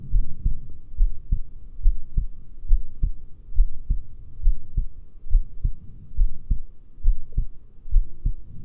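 Regular low heartbeat thumps through a stethoscope, about 70 beats a minute, with a low background hum.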